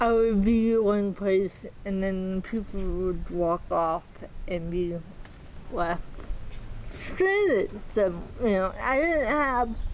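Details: Dysarthria in a 40-year-old woman with moderate to severe athetoid cerebral palsy with quadriplegia, GMFCS level 3/4; she walks with a walker but uses a power wheelchair day to day.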